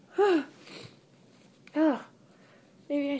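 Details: Sneezing while reading aloud, still sick with a cold and very congested, plus tree allergy from an open window: three short, partly held-back wet sneezes with a voiced catch and congested breath sounds between.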